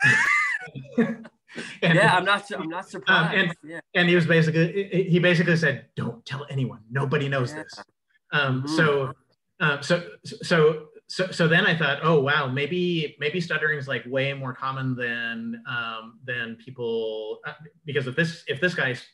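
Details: Cluttering in an adult man who reports having it, with word and phrase repetitions, interjections, revisions and telescoping (dropped sounds and syllables), especially when talking fast.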